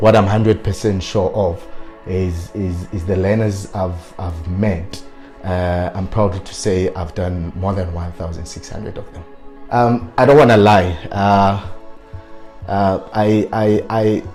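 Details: Stuttering in an adult man who has self-coached his fluency but still stutters on certain words.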